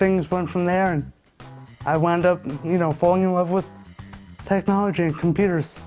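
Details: Speech in a 27-year-old man with cerebral palsy (spastic quadriplegia) diagnosed at birth after being born 10 weeks premature with a brain bleed; all four limbs are affected, and his mother notes his muscles tighten up when he talks.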